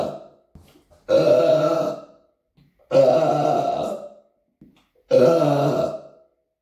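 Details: Deliberate burping in an apartment: three long, loud, voiced, drawn-out guttural belches about two seconds apart.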